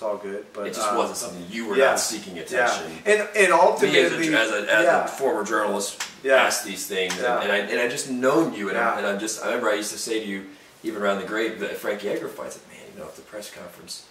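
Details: Adult man, conversational speech; stuttering.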